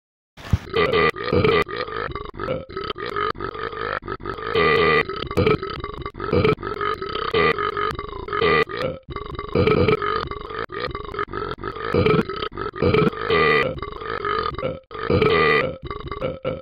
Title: Burping Tom